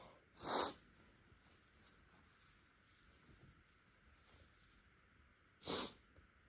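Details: Person with no allergies, deliberately induced sneezing after recent spicy food seemed to sensitize the nose: two forceful sneezes about five seconds apart, with quiet breathing and soft sniffs between.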